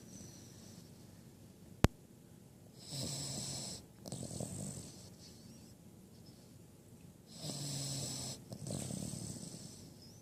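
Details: Sleeping 5-month-old female Cavalier King Charles spaniel puppy: soft snorting snores about every four to five seconds, with a brief sharp click early on; ordinary snoring.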